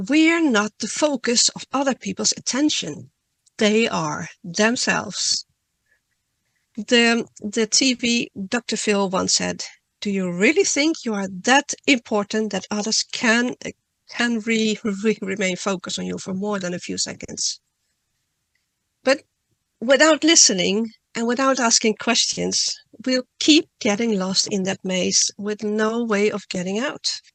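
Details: Adult woman who stutters, reading a prepared talk; word and part-word repetitions; stuttering.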